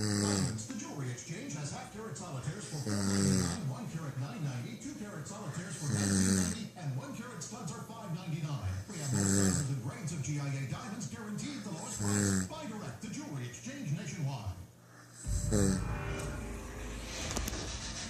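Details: Loud, rattling snores with a deep buzzing quality from a sleeping man (a brother), recurring about ten times a minute.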